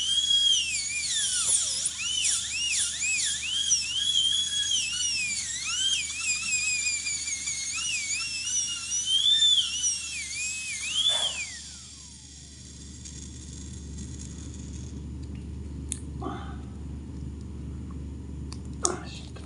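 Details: High-pitched dental drill whine rising and falling, then stopping, with faint room noise: a dental handpiece grinding a flexible plastic denture being cleaned and repaired at the dentist.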